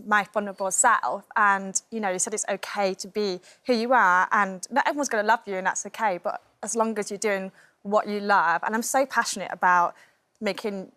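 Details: Deaf adult woman, cochlear implant user, speaking with her implant in; deaf speech (deaf accent).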